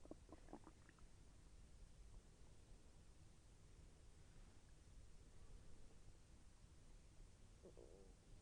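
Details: Self-recorded stomach growling during digestion, with slight pain as the intestine moved: soft low gurgles and bubbling under steady hiss, brief bursts at start and end; ordinary bowel sounds (borborygmi).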